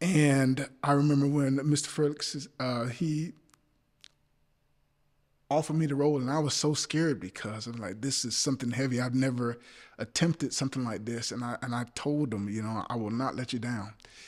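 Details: Adult male actor with a speech impediment who says he stutters, speaking in conversation: stuttering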